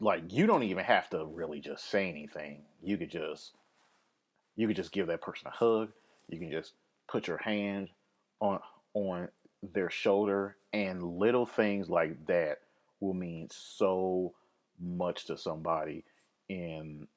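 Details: Adult podcast host with a lifelong occasional stammer, linked to anxiety, fear of public speaking and depression; stuttering.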